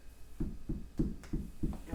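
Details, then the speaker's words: Abdominal percussion on a patient lying supine, moving from the right lower to the right upper quadrant and then the left side and left lower quadrant, gives a normal tympanic note. "And we hear it's the panic and it's normal."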